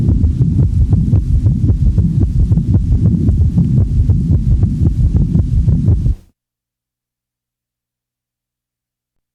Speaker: the following example demonstrates an S3 in a patient manifesting congestive heart failure since the heart rate is rapid one of the first compensatory mechanisms of failure one has the impression that there are three sounds with each cardiac cycle